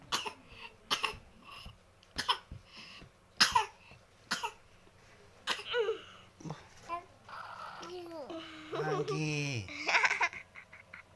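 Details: A young child gives about six short, separate coughs, followed by a little chatter and vocalizing. Cough.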